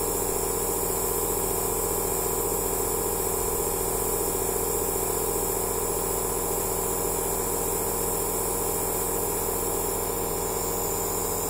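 Steady buzzing motor hum with a hissing spray, unchanging throughout; a nebulizer running.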